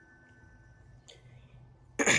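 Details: A brief faint sound, then a sudden loud harsh throat-clearing burst: a vocal tic in a person with Tourette syndrome during a waxing period of worsening tics they find hard to suppress, possibly aggravated by heat.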